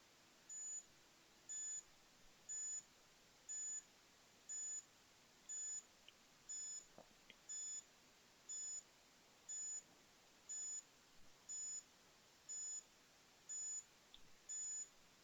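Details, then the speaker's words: A Checkme BP2 home blood pressure and ECG monitor during a hand-to-hand ECG measurement, giving short high-pitched beeps regular at about 60 a minute in a quiet room. "When you're ready short press on the white button and the measurement will start."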